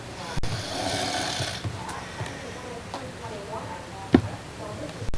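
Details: Adult male (a father) asleep: a low, rough rattling breath sound with some room noise; snoring.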